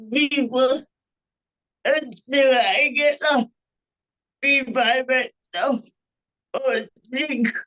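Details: Panelist with cerebral palsy whose speech is revoiced by another speaker; dysarthria (cerebral palsy).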